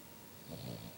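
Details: Pet rabbit Lily snoring in sleep: a single low, rough snoring breath over faint room noise.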